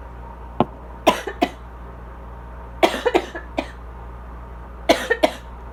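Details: Adult asthma cough, seemingly drier today, shifting between dry and congested that does not clear; wheezing too quiet to be picked up; loud air conditioner in background.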